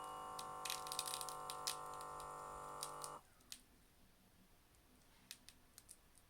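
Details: Steady motor hum of an Omron Series 10 upper-arm blood pressure monitor cuff inflating for about three seconds, user's hand at heart level, first reading; then it stops, leaving faint clicks in a quiet room.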